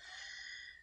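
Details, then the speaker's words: Adult wheezing after coughing very hard: brief, high, whistling breath sound; wheezing. "know if you can hear this from like wheezing now i cough so hard i like broke my windpipe or something"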